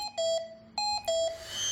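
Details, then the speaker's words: Hamilton T1 ventilator service test, demonstration lung disconnected: repeated two-tone electronic beeps of the patient-side disconnection alarm, signalling the breathing circuit has come loose. "Disconnect the demonstration lung and verify that the disconnection on patient site alarm is activated."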